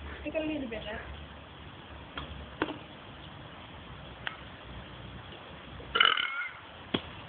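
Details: Two people holding a voluntary burping contest: a few short, croaky burps rising out of quiet room noise, with light chatter and laughter around them.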